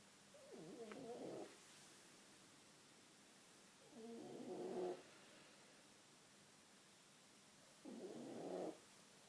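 Soft, rattling snores from a sleeping cat, about 16 breaths a minute, against quiet room noise.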